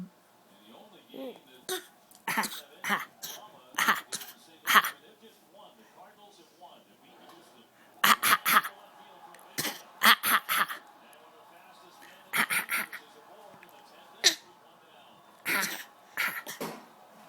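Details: Young child sitting on an adult's arm on a couch, making repeated short, deliberate fake coughs, encouraged to keep going: a playful voluntary cough, not an illness cough.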